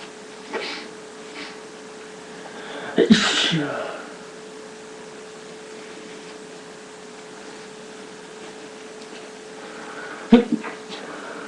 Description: Today I had a sneezing attack for my allergy to pollen..Enjoy